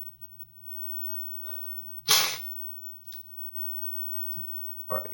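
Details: Person sneezing after an urge to sneeze: a quiet inward breath builds into one sharp, explosive sneeze, then a smaller follow-up burst.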